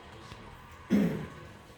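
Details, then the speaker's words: Adult patient with asthma-type breathlessness after 10 steps, whistling throat and white frothy phlegm gives a single short, low, rough cough, consistent with a wet cough from chest phlegm. "कफ निकलता है खांसी आती है सखी के गीली गीली फलो सफेद सफेद आता है"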